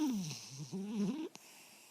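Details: Sleeping puppy snoring: soft rattling snore with a whistling, wheezy edge on the breath.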